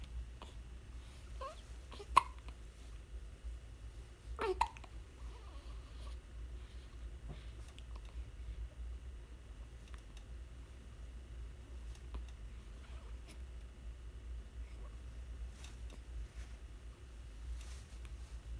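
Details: A few soft, abrupt hiccup sounds, mostly early on, in a quiet room, from a one-week-old; hiccups.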